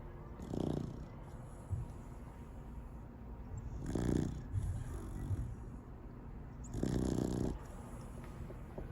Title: 사람보다 더 코 골면서 자는 강아지_7개월 래브라도리트리버(A puppy that snores more than a person_7 months Labrador Retriever)